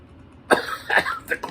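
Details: Senior adult coughing right after a vapor hit from an electric dab lamp, possibly with water in it: three short harsh bursts of coughing and throat clearing, an irritant cough.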